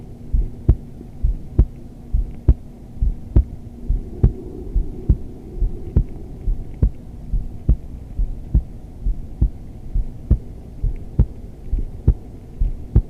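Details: Steady, regular heartbeat at about 68 beats a minute, clear thumps over a low hum, recorded from a woman during yoga; normal resting heart rhythm.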